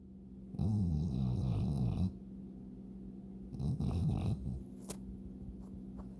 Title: Ollie snores